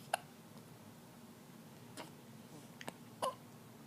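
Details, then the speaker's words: Very loud hiccups from a person who announces having the hiccups: a few brief sharp clicks and gulps at irregular intervals, about four in four seconds, in a quiet room: hiccups. "Say hello. I got the hiccups. Very loud hiccups."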